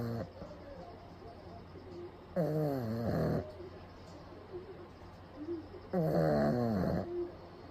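Loud, wheezy, whistling snores from a sleeping small dog, about every three and a half seconds, with softer snuffling breaths between.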